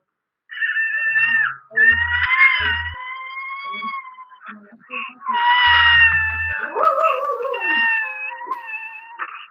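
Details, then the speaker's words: High-pitched, thin, mewing infant cry like a kitten, the typical cry of cri du chat syndrome, played as a teaching example in a genetics class. "no lo alcanzaron a oír sí este es el sonido típico del cri du chat"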